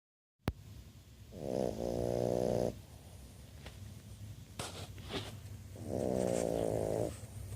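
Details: A bulldog snoring during a nap: two long, loud, rattling snores with a buzzing, fluttering quality, separated by quieter breathing and small snuffles.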